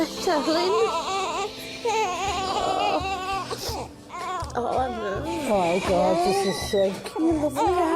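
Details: Newborn girl just after a difficult delivery, with the mother having feared she had lost her: loud, strong, wavering crying over background music; a normal vigorous newborn cry.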